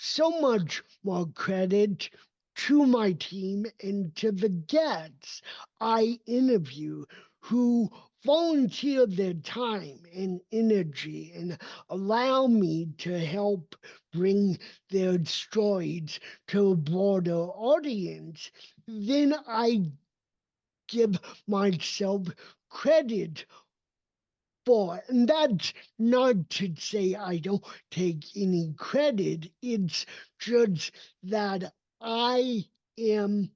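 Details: Adult male with cerebral palsy, a neurodevelopmental disability; voice emerged only at age seven after extensive speech therapy and still needs constant training; dysarthria (cerebral palsy).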